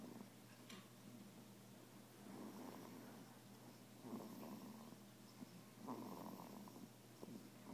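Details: An infant snoring: soft, buzzy, rattling noises with each breath at a fairly quick rate against faint room hiss; snoring.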